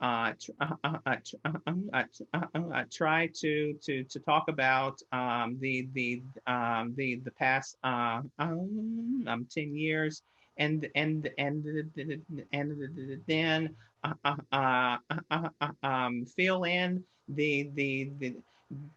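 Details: Adult who stutters hosting a webinar on job interviews, with repetitions and filler blocks; stuttering.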